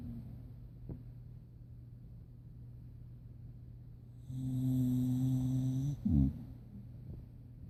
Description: My pit bull Chaplain snores when he sleeps.